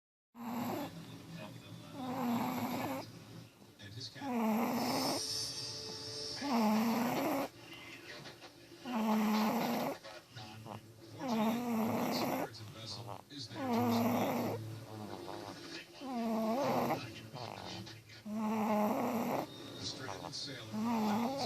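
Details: Loud rattling snores on each breath, about 25 a minute, steady and regular, in a quiet room, from a sleeping cat: snoring.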